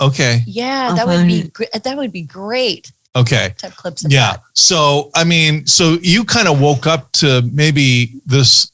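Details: Adult speaker; typical speech.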